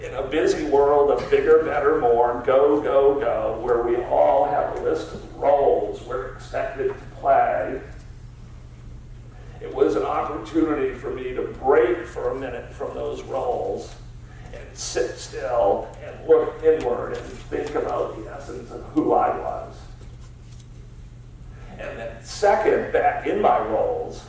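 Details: Spasmodic dysphonia, a rare neurological disorder affecting only speech with no known cause, in an adult man diagnosed about seven years earlier and treated with periodic Botox injections.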